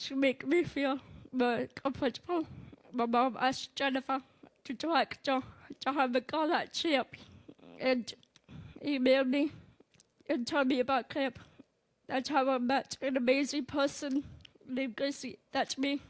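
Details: Girl who had breathing support and spent two months in hospital, speaking with a Passy-Muir tracheostomy speaking valve, without which she says she cannot speak; speech with a tracheostomy speaking valve.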